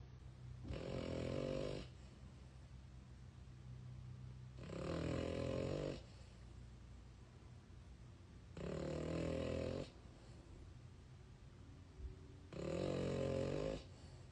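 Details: Snoring French Bulldog: four loud, rattling snores about every four seconds, roughly 15 breaths a minute, in a quiet room; snoring typical of a flat-faced dog.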